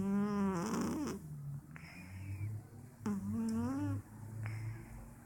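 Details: A cat named Meowchi snoring in a quiet room: two rough, buzzy breaths about three seconds apart, each followed by a softer exhale.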